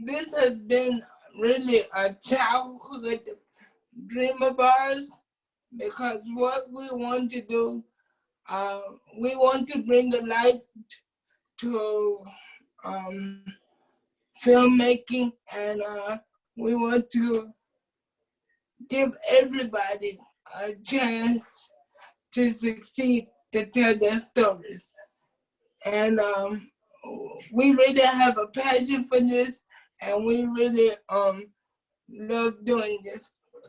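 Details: Adult man with cerebral palsy who uses a wheelchair; at birth doctors told his family he would never be able to speak; dysarthria (cerebral palsy).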